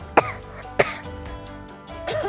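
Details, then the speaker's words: Simulated cough sound effect: two short, sharp coughs over background music, demonstrating coughing into the elbow to reduce COVID-19 spread. "Coughing into your elbow (coughing) means it's not on your hands (coughing) and reduces the spread of COVID-19."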